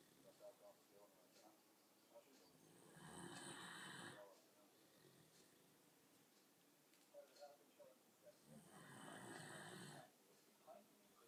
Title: Sasha Snoring